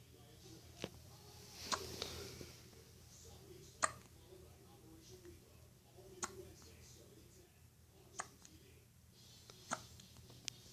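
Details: Baby with hiccups, seemingly annoyed: soft, brief, sharp hiccup sounds about every one to two seconds over quiet room noise, about eight in ten seconds.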